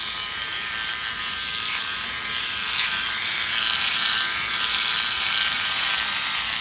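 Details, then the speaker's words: Motorized microneedling pen used lightly on facial acne scars right after CO2 laser ablation, creating light channels with pinpoint bleeding before PRP: fast buzzing whirr pulsing about four strokes a second. "we don't need to go too deep with the micro needling because we've already created i just want to create some light channels so pinpoint bleeding you guys will see that come up"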